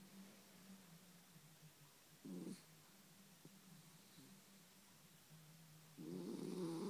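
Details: Dog snoring while asleep next to its owner, sounding like a human: a quiet, steady low rumble with two louder, rough, snorting breaths.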